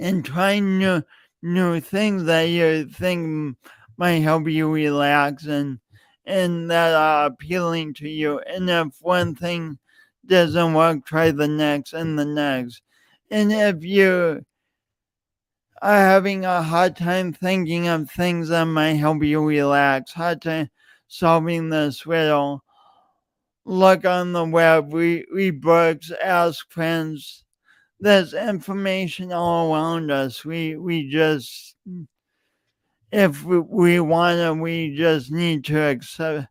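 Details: Adult man with a self-reported speech impediment, present for years and audible whenever he speaks; stuttering (speech disfluency) with repeated words.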